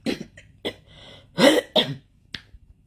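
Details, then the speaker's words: A brief run of several short, dry coughs with throat clearing in a quiet room, from an adult lying in bed after several nights of heavy coughing; first thought to be dust from electric heating, the person attributes it to "electronic torture"; persistent cough. "It's like that I always get really bad coughing fits. But again, that's because of the electronic torture. It's not because of, even now, they're trying to make me cough now with the electronic weapons so that I stop talking."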